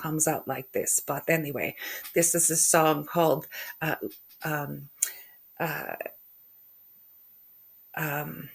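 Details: Aphasia after a stroke in a woman who also has functional neurological disorder, with halting speech, hesitations between words and stuttering; finding: aphasia with word-finding difficulty (anomia).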